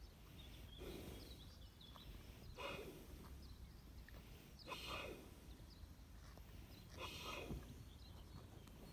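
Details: A 20-year-old in a deep doze snores softly and roughly, with breaths recurring about every two seconds over low outdoor noise; ordinary, contented snoring.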